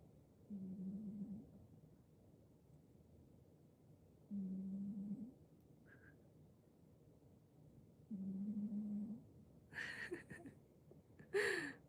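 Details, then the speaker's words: Sleeping male cat with soft, low purring snores about 16 a minute, recorded during a live stream in a warm room; owner says they become loud like a middle-aged man's in deep sleep: snoring. "まだ可愛いきやけど、これがもうね、熟水するとおっさんみたいな激しいイびきになるんですよ。くまちゃん。"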